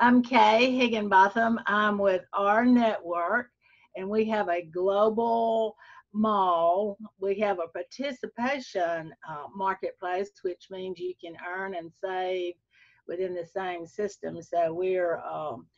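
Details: Adult woman speaking; Normal voice.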